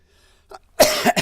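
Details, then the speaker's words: Adult with a raspy upper-lung complaint for about two weeks, who otherwise feels fine; a short throat noise then a single harsh cough burst in a quiet room: cough. "Excuse me. Again, I'm not really I don't think I'm sick. I've just got this raspy thing that I have I've had for about two weeks."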